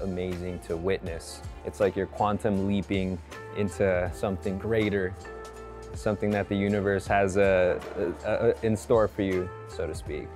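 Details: Adult male speaker; ordinary speech.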